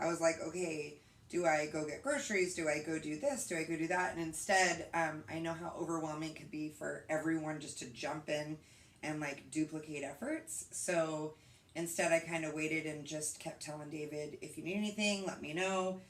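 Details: Adult woman speaking; typical speech.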